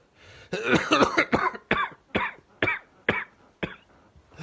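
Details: A fit 49-year-old man with COVID-19 at the peak of infection, early hours of day 5 with fever returned, who cannot breathe: a run of weak, short, strained coughs, about eight bursts in four seconds.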